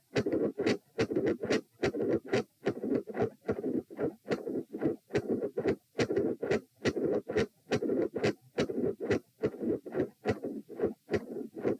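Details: Heart sounds recorded at position P, lying down, during attempts to provoke murmurs: loud S1 and S2, both split, four sounds, with a midsystolic murmur.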